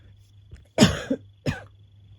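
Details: Real recording of an adult woman with asthma, woken from sleep by a coughing fit: two harsh coughs in quick succession. Asthmatic cough.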